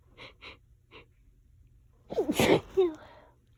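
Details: Nonstop allergy sneezing that went on for about 20 minutes: three quick breathy inhalations, then a loud explosive sneeze with a trailing voiced sound; sneezing.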